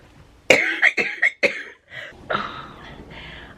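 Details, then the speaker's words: Person with cystic fibrosis coughing a lot: a run of four sharp, harsh coughs, then a few weaker, breathy coughs trailing off; repeated cystic fibrosis cough. "we got back from Target and I caught I was just coughing a lot and I was sick of coughing"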